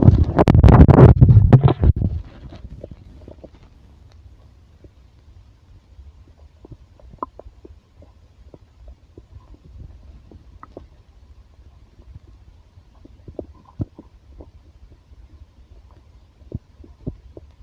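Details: Loud gurgling rumble, then quiet scattered gurgles and clicks; ordinary stomach growling (borborygmi), recording described as stomach growling and heartbeat.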